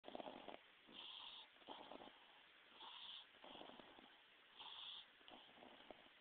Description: MY PUG SNORING